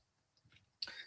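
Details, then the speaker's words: Brief, sharp, noisy throat clear after a few faint breathy sounds, from an adult man whose voice is still hoarse after losing it during an illness a month earlier. "Excuse my voice, by the way. Still trigger. I still lost my voice from like a month ago when I was sick."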